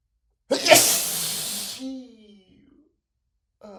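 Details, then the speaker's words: A single loud, explosive, hissing sneeze with a brief trailing voiced sound: an acted, exaggerated cartoonish sneeze from a man in a sneezing fit, right after saying he has to sneeze. "I've got to sneeze. I've got to sneeze. Watch out."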